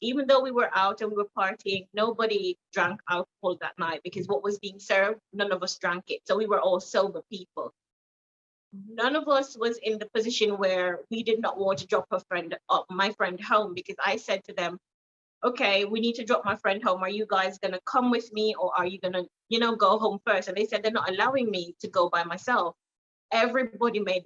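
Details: Jamaican woman with foreign accent syndrome after a car accident with head trauma, stroke and brain swelling, accent shifting from American to Trinidadian to now British, deemed unfixable by her neurologist, with memory loss; foreign accent syndrome.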